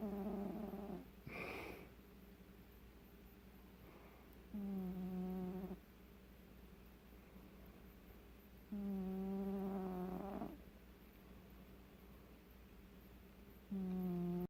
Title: Cat snore